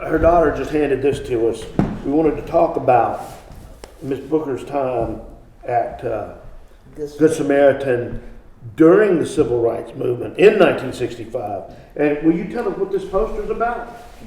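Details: Adult interviewer; typical voice.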